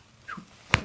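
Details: Chiropractic back adjustment, patient taking a deep breath in and out, suspected stuck right hip and left-side joint tension; brief exhale then a single sharp crack from the spine; spinal joint cavitation.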